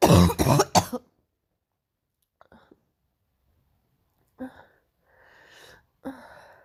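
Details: Painful morning cough: three harsh, deep cough bursts in quick succession, then quiet breathing and throat sounds.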